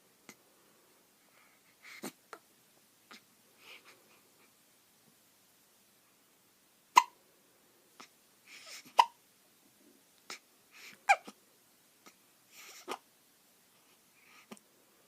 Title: Hiccup's baby